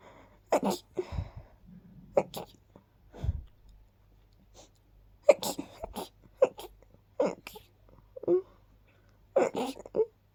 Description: Very sneezy, sharp little sneezes. Probably caused by a mix of dust and pollen 😅